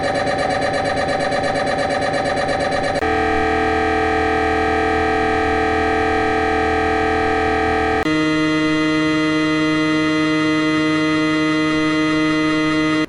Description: Various sounds from an incredible Magnetic Resonance Imaging (MRI) device.